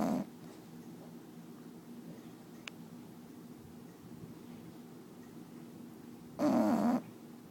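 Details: Sleeping bulldog snoring loud enough to drown out the TV: a low, steady rumble with loud, rough snorts at the start and near the end, about one breath cycle apart.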